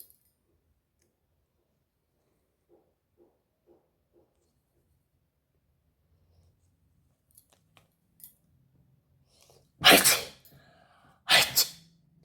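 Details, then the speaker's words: A woman deliberately provoking sneezes by sniffing cumin powder for a sneezing challenge: faint sniffs and quiet breaths, then two loud, explosive sneezes about 1.5 seconds apart. "एक आया एक आया guys एक आया धीरे धीरे आ रहा है"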